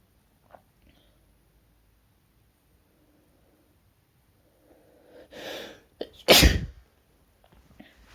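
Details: Sneeze, labelled male (M): a quick inhale after a quiet stretch, then one loud, explosive sneeze; an ordinary sneeze.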